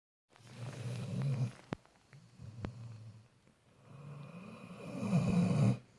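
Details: Snoring in a sleeping Labrador retriever: deep, rumbling, fluttering breaths in a slow rhythm, with a couple of sharp clicks.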